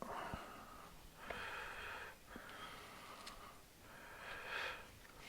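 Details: Snoring heard in the background of an off-grid cabin while food is being prepared; snoring.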